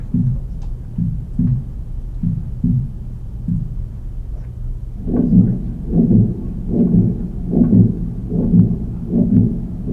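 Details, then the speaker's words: Simulated recording of aortic regurgitation with bounding pulses, about 75 a minute: a soft systolic flow murmur plus a high-pitched blowing diastolic murmur. "um now the reason why this has two murmur so there they're showing you the bounding B you can see in the neck it has a a little systolic murmer and it has that high pitch blowing diastolic buror"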